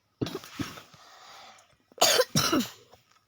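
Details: A sick child coughs repeatedly while reviewing a game update, giving two short bursts of coughing with a quiet pause between them.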